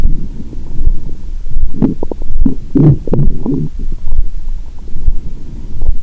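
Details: Deep continuous rumbling and gurgling with brief popping bursts through a stethoscope on the belly, after a large Christmas meal with wine following a 22-hour fast, belly still swollen; active bowel sounds.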